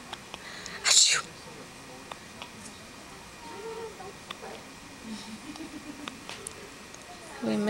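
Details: One short, high-pitched sneeze from a young child, followed by quiet room noise and soft sounds; a single small sneeze.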